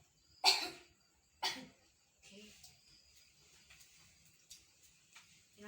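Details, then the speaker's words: Simulated nursing procedure teaching deep breathing and effective cough to an adult male patient, who coughs on the nurse's count after deep breaths: two forceful coughs in quick succession, then quieter breathing. "Oke Bapak, tarik nafas ya Pak. 1, 2, 3. Tarik nafas lagi ya Pak. Ya, tarik nafas. Batuk"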